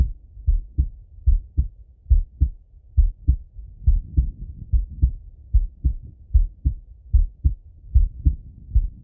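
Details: Male heart auscultation, self-recorded partly sitting at a desk and partly lying in bed: steady paired lub-dub at about 75 a minute with faint body noise between; normal heart sounds.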